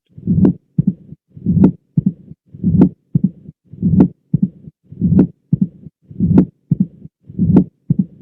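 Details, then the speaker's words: Mitral stenosis, Duroziez rhythm: regular heart cycle near 50 a minute with loud, bright first sound, opening snap after the second sound, clean systole, and low rumbling mid-to-late diastolic murmur building into each beat. "Entonces tenemos un soplo mesotelio diastólico el meso es el tele es el un primer ruido intenso brillante un chasquido de apertura que le sucede le sigue al segundo ruido"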